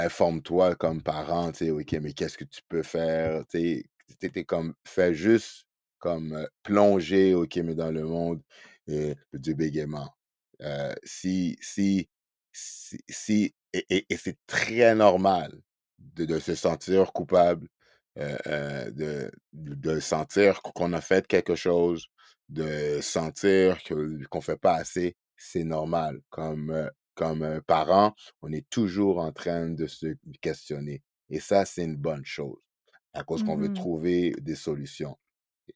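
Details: Adult man who stutters, speaking French; stuttering.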